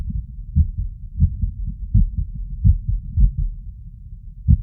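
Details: Fast, low heart sounds with uneven spacing, auscultated at the tricuspid valve area after physical exertion: arrhythmia.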